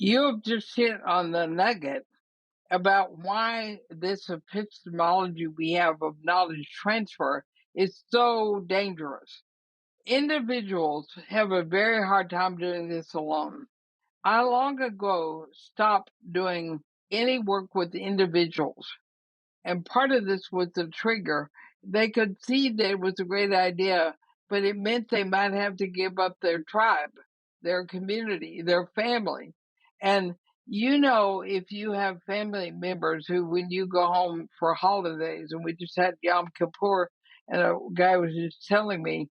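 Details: Woman, about 80, with ALS (Lou Gehrig's disease), already having quite a bit of trouble speaking though she thinks she is still intelligible; dysarthria (ALS).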